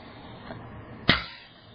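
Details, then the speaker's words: A single sharp, explosive sneeze-like burst produced on request by a gorilla as a voluntary imitated (fake) sneeze. "oh my that was a good sneeze good sneeze good sneeze fabulous"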